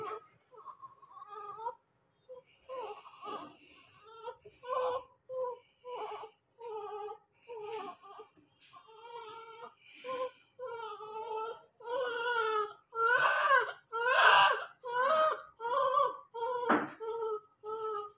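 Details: Repeated short rhythmic cries, about 70 a minute, clear and strong in a small room, from a newborn delivered by C-section, being dressed for discharge and reported much better than the day before; normal vigorous newborn cry.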